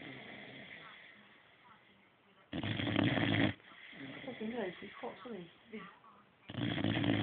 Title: Reggie the boxer snoring